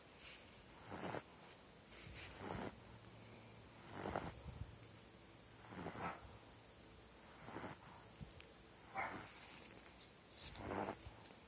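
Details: An 8.5-week-old Pitbull puppy asleep, snoring a lot: short, hissing, snorting breaths about 38 a minute with a faint purring rattle; snoring.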